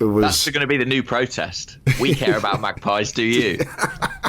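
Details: Adult male speaker; normal speech.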